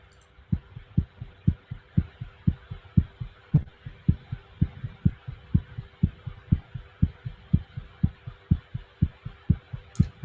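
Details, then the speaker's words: Heartbeat of another person played back as an example: a steady, fast heartbeat with clear paired thumps at about 120 beats a minute, over a faint steady hum. "n we were able to hear the heartbeats of others so i'm going to just play these as an example for you"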